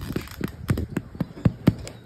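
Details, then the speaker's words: A large cow with rumen bloat has a visibly swollen belly, has refused offered grass and is drooling; tapping the swollen left flank gives rapid hollow, drum-like thumps, a tympanic percussion note. "তো এই গাড়িটা দেখেন কিন্তু এই যে পেট ফোলা ফোলা লাগছে।"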